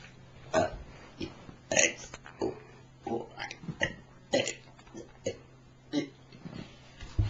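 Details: A run of short, throaty belches at irregular intervals over a low steady hum, recorded with a Flip Video camcorder; ordinary burping.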